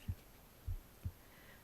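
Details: Soft low heartbeat thumps, about three beats in under two seconds, recorded on the left side of the chest while the person reads a book aloud for ASMR, under faint room hiss; ordinary heartbeat.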